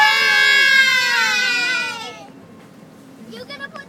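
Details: A single long, high-pitched wailing cry that fades out, followed by softer fussing; an ordinary cry.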